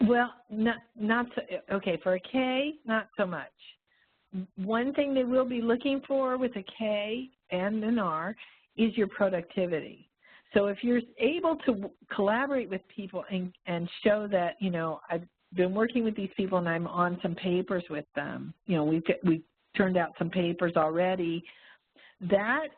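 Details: Adult woman speaking; normal voice.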